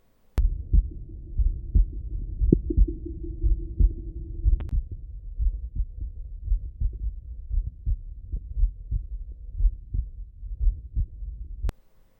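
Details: Adult's own heart recorded at the left sternal edge with an Eko digital stethoscope (Gen 1 and Gen 2 comparison): a steady lub-dub at about 60 a minute over a faint background hum, which are normal heart sounds.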